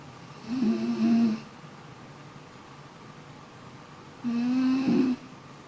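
Two long, rattling, low-pitched snores on breathing in, separated by a quiet pause; ordinary snoring during sleep.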